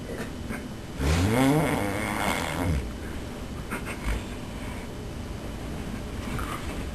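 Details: One loud, rough, rattling snore on an in-breath, then quieter breathing and faint room noise, from a sleeping person filmed by a roommate; loud snoring.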